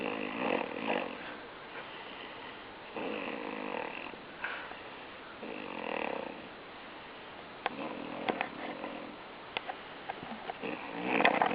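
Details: Repeated rough, fluttering snoring breath noises at an uneven pace, with occasional clicks in a small room; snoring.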